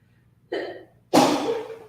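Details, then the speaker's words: A single adult sneeze: a brief voiced intake followed by a sharp, loud explosive burst. "just me sneezing bless"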